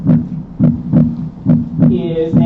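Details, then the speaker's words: Regular paired lub-dub beats at about 70 a minute, with faint tonal music in the background; normal, distinct first and second heart sounds, teaching recording. "So, you heard a very distinct love dub loved dub, but listen to this one."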